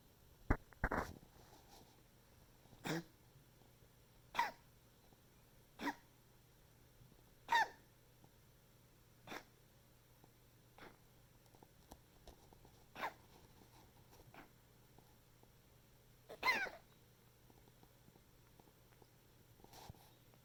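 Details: Pet's coughing fit recorded for the vet: about eleven short, sharp hacking bursts spaced irregularly over twenty seconds, another of repeated fits.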